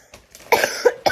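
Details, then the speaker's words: Adult woman who has been coughing a lot, with a very hoarse voice: a short run of two or three harsh, rough cough bursts in a quiet small room. "Désolée, j'ai pas filmé depuis tout à l'heure, mais en fait j'ai beaucoup toussé. Genre là j'ai la voix hyper cassée."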